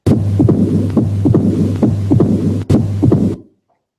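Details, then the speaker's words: Man with shortness of breath; a triple rhythm at about 70 a minute with a loud first sound, an early diastolic opening snap and a low diastolic rumble, with background hum: mitral stenosis. "in addition there is a diastolic Rumble T so this is full-blown m is in F everybody had"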